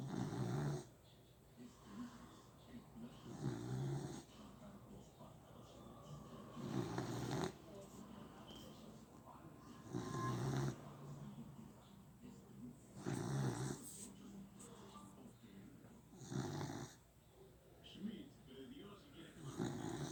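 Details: Baby girl snoring: soft, low, steady regular snores with each breath, about 18 a minute, with light room noise.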